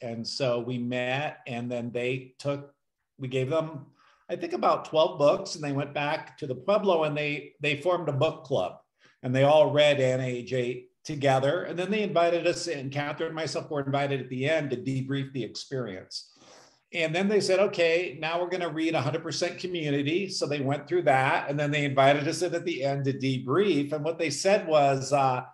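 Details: Adult speaker; normal speech.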